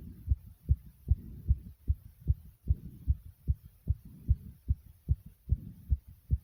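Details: Sinus tachycardia after almost 60 jumping jacks: rapid, regular heart thumps at about 150 a minute.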